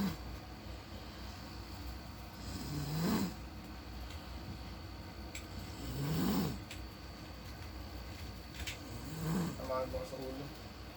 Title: THE BOY IS SLEEPING HUGGING STUFF TOYS AND SNORING